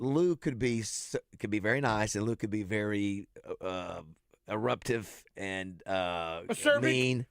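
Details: Adult male speaker; normal speech.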